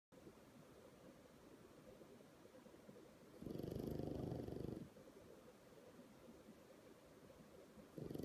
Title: Pug snoring raising leg in his sleep